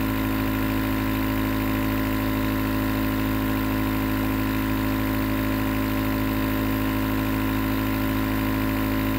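Steady, unbroken motor hum with a faint buzzing edge, the continuous drone of a nebulizer compressor running.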